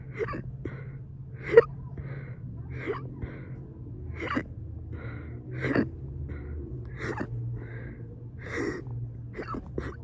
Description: wtfff these were so weird part 2 of my fast burp-induced hiccups